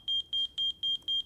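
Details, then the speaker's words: Repeating high-pitched electronic beeps in even pairs, about four a second, in a healthcare training vignette; a patient monitor alarm. "Yet, we often treat them as invisible until the monitor alarm goes"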